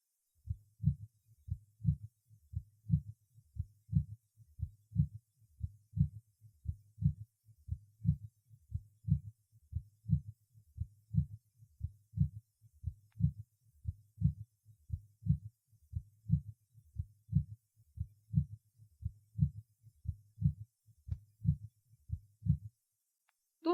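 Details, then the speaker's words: Third heart sound (S3 gallop) at the apex in a patient with heart failure: regular low heartbeats with a soft, dull, low-frequency third sound near mid-diastole after the second sound. "третий тон сердца возникает ближе к середине диасу он выявляется на верхушке сердца и характеризуется низкочастотным тембром и малой громкости называют эхом 2 тона"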